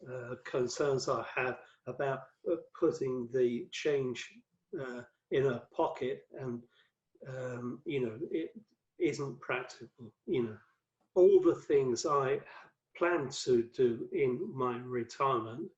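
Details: Adult male with aphasia after a 2013 stroke that left him paralysed, one of five strokes (2007–2015) linked to cerebral amyloid angiopathy; mainly affects word fluency, worse when tired or stressed; also has reading and writing difficulty; aphasia.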